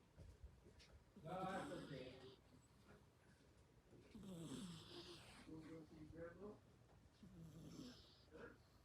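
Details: Olive snoring: irregular snoring snorts from a sleeping animal with a rough buzzing quality on each breath, quiet room background.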